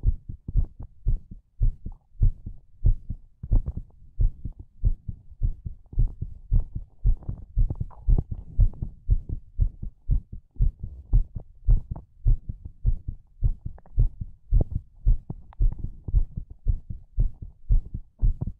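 Steady, deep lub-dub heartbeat, about 113 beats a minute, with a low hum underneath.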